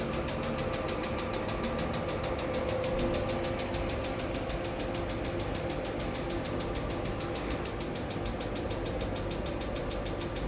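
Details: 2-in-1 808 nm diode laser plus pico laser machine, hair removal mode: steady machine hum with fast, even clicking pulses about three per second as the handpiece fires during treatment.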